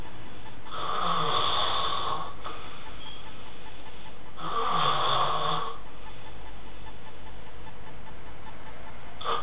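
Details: Adult man snoring: two long rattling inspiratory snores a few seconds apart in a quiet room, before he is woken with a syringe of water dropped into his mouth.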